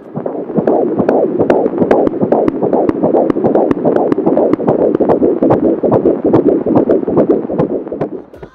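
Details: Fetal heartbeat heard on a home fetal Doppler, usable from about 10 weeks of pregnancy: rapid, regular whooshing pulses at about 146 per minute.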